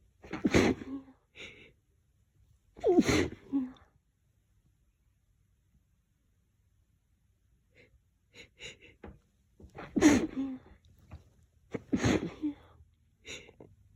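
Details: Four forceful sneezes from an adult, each with a quick in-breath, after deliberately pressing the face into a lavender-scented pillow; not allergic but sensitive to lavender.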